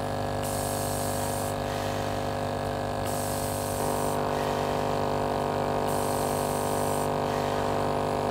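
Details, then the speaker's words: APEX compressor running with an AllNeb breath-actuated nebulizer, aerosol released only on inhalation: steady mechanical hum and buzz with slight tone shifts; nebulizer compressor running. "you'll see even though when i switch on the compressor the medication will be maintained in the container it will not give out the aerosol unless when you start breathing"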